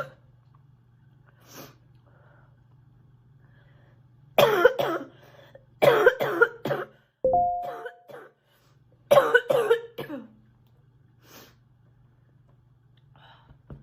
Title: sick girl coughing a lot ❣️